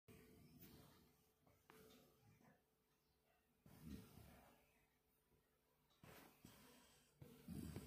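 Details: Sleeping Belgian Malinois dog: quiet, low rumbling snorts recur irregularly with its breathing, typical snoring.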